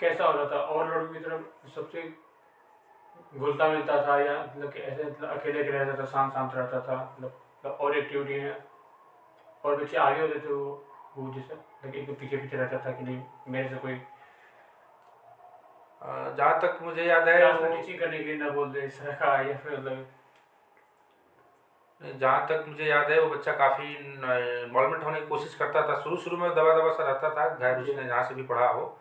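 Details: Man who stammers, asking a question in a Hindi conversation about stammering, real speech with hesitations; stuttering.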